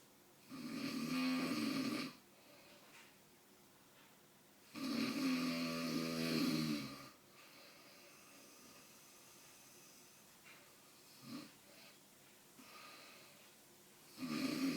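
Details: Father snoring during sleep: loud, rough snores on the in-breath about 5 seconds apart, with quiet breathing between in a small room; snoring.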